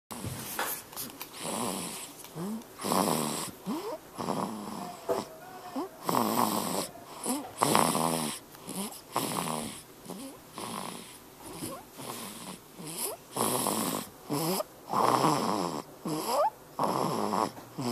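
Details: Baby boy snoring during sleep, recorded on a Flip Video camera: rapid, noisy, rattling breaths in quick succession, loud for a baby; snoring.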